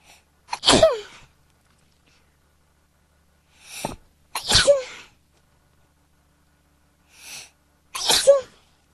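Three sneezes, each preceded by a short sharp in-breath, spaced a few seconds apart; a plain run of sneezing.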